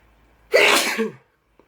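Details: Person giving a single sharp, explosive sneeze with a sudden burst of air, then quiet; sneeze.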